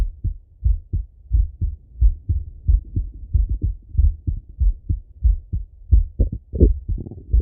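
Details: Male heart auscultated with a stethoscope, recorded partly sitting at a desk and partly lying in bed: deep regular lub-dub at about 85–90 beats a minute, some rubbing noise near the end; normal heart sounds.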